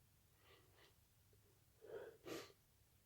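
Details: Sudden late-night sneezing attack, muffled attempts: soft quick inward breaths building to two sharp sneeze bursts in a quiet room.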